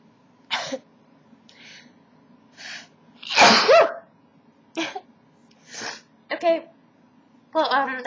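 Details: Adult deliberately sneezing after tickling each nostril with a Q-tip: several short sneezes with brief in-breaths between, ending in a forceful sneeze; ordinary induced sneezing.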